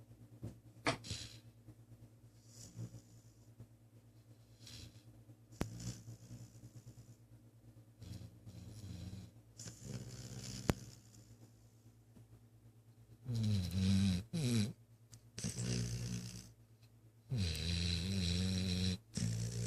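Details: Quiet stretch, then three loud, low, rattling snores on breaths a few seconds apart near the end; snoring.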